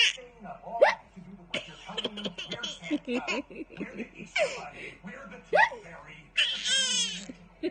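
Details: Young child with hiccups, laughing and babbling, broken by short, sharp catches of breath.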